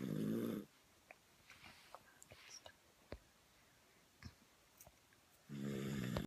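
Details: Two loud, buzzing snores separated by a quiet gap with small clicks and rustles; snoring.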